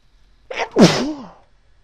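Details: Woman (F) sneezing after taking snuff, in a series of sneezes: a brief sharp intake, then one forceful voiced burst that tails off; a sneeze.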